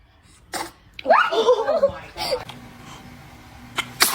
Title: Baby sneezes 🤧🤣 #baby #sneeze #funny #cute #funnybaby